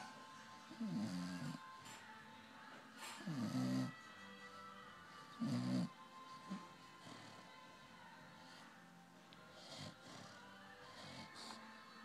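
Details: Sleeping dog snoring: loud rattling snores, about three in twelve seconds, with faint music in the background; ordinary snoring.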